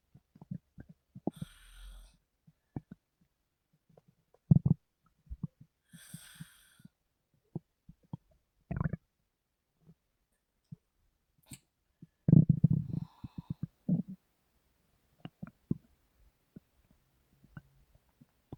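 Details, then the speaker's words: Scattered short gurgles, pops and bursts of rumbling, with faint breathing, in a quiet room from a sleeping woman: stomach rumbling (borborygmi). "Can you believe me now when I say my stomach grumbled too much?"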